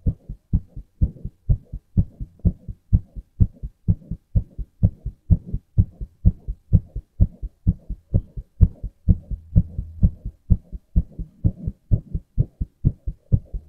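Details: Adult male heartbeat: regular heartbeat at about 64 beats a minute in clear lub-dub pairs, steady rhythm.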